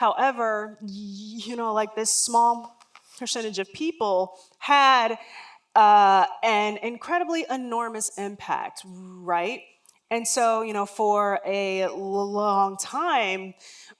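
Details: Real lifelong stuttering in an adult woman who says words and phrases don't come out as quickly as she would like.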